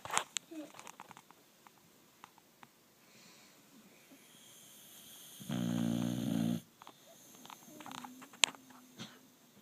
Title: Rosco the snoring boxer